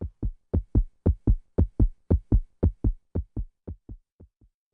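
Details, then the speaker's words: Heartbeat in a children's encyclopedia: regular paired low thumps, about 115 a minute, fading out at the end; an ordinary heartbeat. "my doctor listens to my heart with a special tool called the stethoscope and she let me listen to my heart one time it sounded like some thump have you ever heard your heart beating like that"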